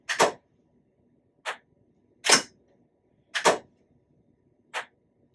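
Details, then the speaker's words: Five sharp, loud clicks at irregular intervals: single TMS pulses over the motor cortex to find the motor threshold and set treatment intensity, with visible finger movement, in a TMS training demonstration. "so we press on the location so the machine has a series of pulses going on driver delivered to determine how much we could treat"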